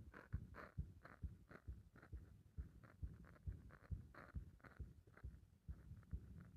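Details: Heart under compression: low, muffled heartbeats at a fast rate with uneven spacing, stumbling beats; irregular rhythm with skipped beats.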